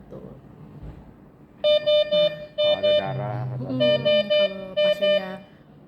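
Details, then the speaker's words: Infusion pump occlusion alarm demonstrated: the pressure sensor detects a blockage in the line, pressure rises, then the alarm sounds; repeated high-pitched beeps in groups of three, with a voice in the middle. "kita tuh juga ada teknologi occlusion sensor tekanan kalau ada hambatan J kalau ada hambatan dia akan nambah coba saya c tuh dia akan nambah baru n nanti alarm"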